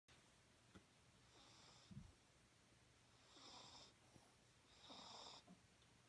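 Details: Soft, hissy little snores about every second and a half, around 35 a minute, in a quiet room; gentle snoring in sleep.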